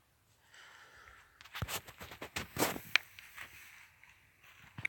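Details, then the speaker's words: Quiet outdoor night recording, then a quick run of irregular clicks and scraping pops as the speaker's knee bends: knee crepitus, joint cracking. "That was my knee cracking."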